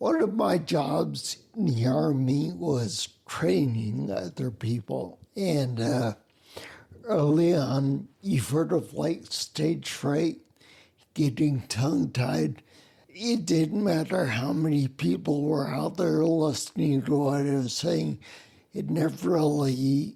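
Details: Man with spinocerebellar ataxia (SCA), a rare neuromuscular disease that also causes mobility problems, staggering and noise-induced anxiety; he reports a speech impediment with slurring that makes him sound drunk; ataxic dysarthria.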